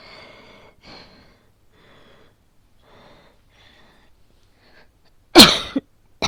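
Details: Simulated cough, acted by a woman for a situation-voice recording: quiet breathing and a wheezy in-breath, then one sharp, explosive cough burst with a short catch afterward; not a real cough.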